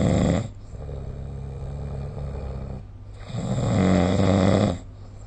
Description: This is the sound of snoring recorded using SnoreLab : Record Your Snoring https://apps.apple.com/jp/app/id529443604